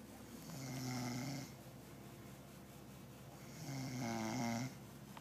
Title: Turtle buck snoring